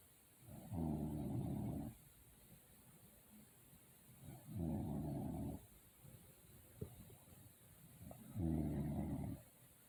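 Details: Adult snoring while asleep, recorded by their daughter: three loud, low, rumbling inspiratory snores at about 16 a minute, quiet exhalations between, faint room noise.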